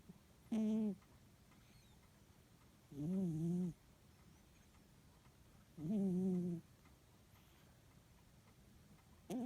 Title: “Sweety” snoring😆🐾🤣